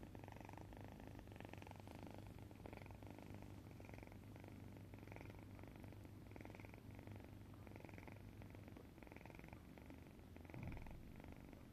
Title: Cat snoring เสียงกรนของแมว #cat #แมว #kitten #katze #歌ってみた #แมวน่ารัก #ทาสแมว